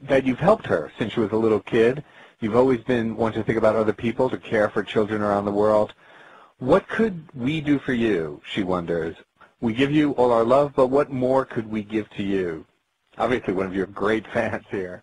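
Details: Adult male speaker; normal speech.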